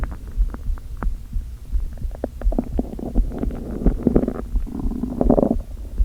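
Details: Hunger stomach growling (borborygmi) of an empty stomach after not eating all day, with hunger pangs. Irregular gurgles and soft pops build into longer rolling rumbles.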